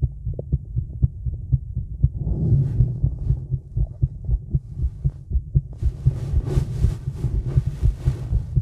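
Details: Female heartbeat recorded outdoors in the woods in the evening while smoking, with stomach noises: rapid, regular low thumps around 120 a minute, with rumbling and rustling; a heartbeat.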